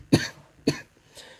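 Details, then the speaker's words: Adult with lingering cough since a cold three weeks earlier, worse at bedtime: two short, loose coughs about half a second apart, then a faint breath. "so hopefully that'll take care of the call because I am just so sick of the cough"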